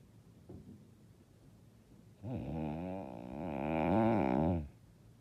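One long, loud, buzzing snore lasting about two seconds on a breath in, in a quiet room: heavy snoring.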